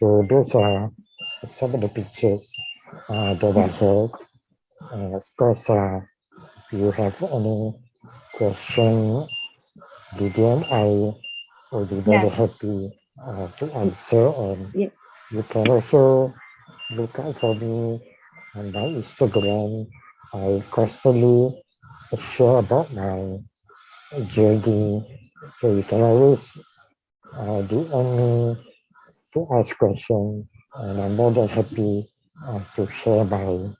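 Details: Dysarthria in a man with ALS/motor neuron disease diagnosed in 2018, tracheostomised late the previous year and ventilator-dependent, using leak speech around the tracheostomy while on the ventilator and needing suctioning between talking.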